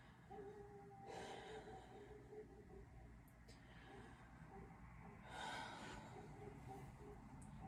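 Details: Two slow, deep mouth breaths, unhurried and evenly spaced, over faint room hum, taken during a physical assessment; normal non-labored breathing with no wheeze or crackles.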